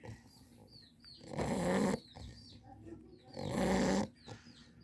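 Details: English bulldog snoring: loud, harsh snoring, two long rattling breaths in about five seconds, with birdsong in the background.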